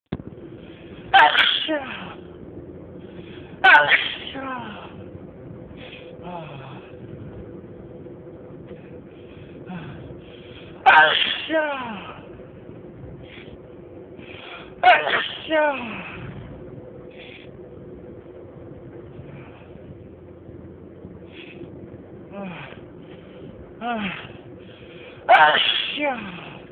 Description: These sneezes I recorded with my phone in my car...you can see the fingers on my hand holding the phone during the sneezing fit...enjoy!!